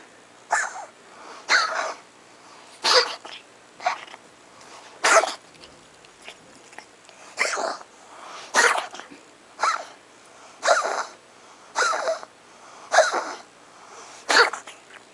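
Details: A cat coughing: a run of short, dry hacking coughs, roughly one every one to two seconds.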